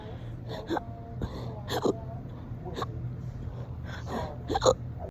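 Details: Repeated sharp, abrupt gulping hiccups, about five in five seconds, with the person's stomach gurgling also said to be audible.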